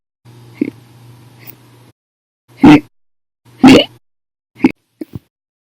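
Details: Compilation of hiccups recorded 8/1/19 to 8/31/19, described as violent, loud or silent, audio only: sudden, sharp gulping sounds, four or five in a few seconds, each cut off abruptly; repeated hiccups.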